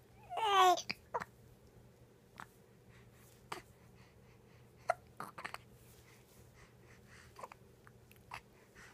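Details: Infant boy lying on a pillow after spitting up, hiccuping: brief vocal sound then repeated short, sharp catches at irregular intervals, about eight in nine seconds; hiccups.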